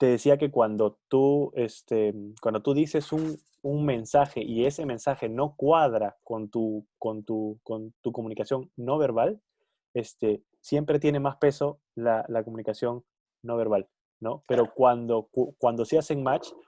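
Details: Stuttering in an adult who stutters, one of two adults who stutter in a Spanish podcast conversation.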